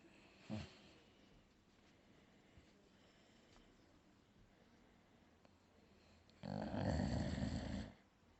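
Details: Sleeping dog: quiet breathing, then a loud, low, rattling snore lasting over a second; snoring.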